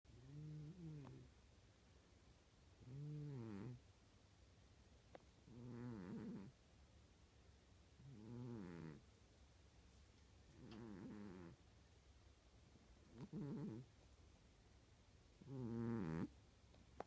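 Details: Oreo, a sleeping cat, snoring: seven rhythmic, buzzy snoring sounds about 24 a minute, with quiet pauses between them.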